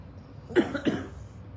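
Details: Two short, muffled congested coughs in a quiet room from an adult with asthma who needs an inhaler, after five weeks of breathing smoke and soot following a house fire.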